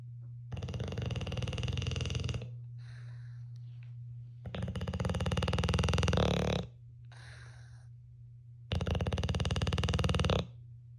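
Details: Someone sleeping snores loudly, keeping the recorder awake: long, loud, buzzing snores of about two seconds each, with quieter breathing between, over a steady low hum; heavy snoring in sleep.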